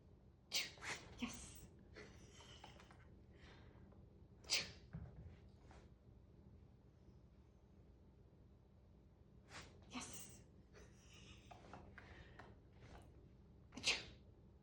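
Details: Dog (Bodhi) sneezing during a training session to teach sneezing on cue: several sharp, short nasal bursts spread through the clip in a quiet room; sneezing.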